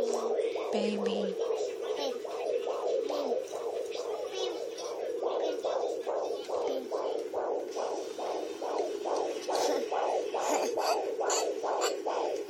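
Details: Fetal heartbeat at 30 weeks of pregnancy on a handheld Doppler: rapid, regular whooshing pulses at about 145–150 beats a minute.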